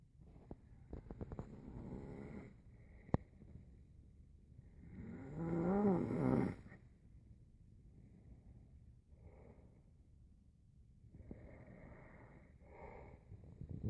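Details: Irregular low snoring with one loud rattling snore and softer snuffling breaths between, with some room noise.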